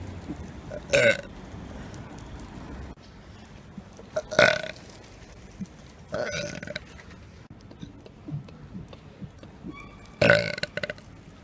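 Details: Repeated burping done as a public prank: four loud, drawn-out belches separated by quiet room noise.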